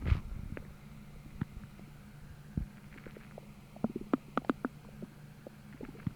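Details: Stomach growling from hunger after a hollow, empty feeling following a heavy bloated evening meal: quiet low rumbling with faint hum and clusters of gurgles and squeaks.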